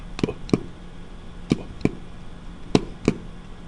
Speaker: which incidentally is why our heart has sounds that's the sounds of valves closing Shh and because two sets of valves closed one after the other it's like